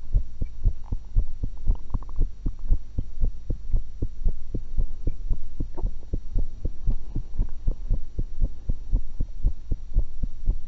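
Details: Own heartbeat recorded through a stethoscope while eating, after an apple and a cucumber: regular low thumping at about 115 beats a minute over a steady background hum; normal heart sounds.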